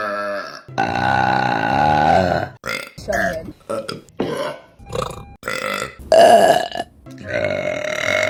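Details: Several long, loud, rumbling voiced belches in a row from women, some over a second long; repeated burping compilation.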